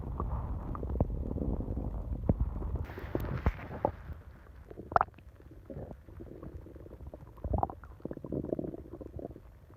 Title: Долгое урчание животика ночью (часть 1) stomach growling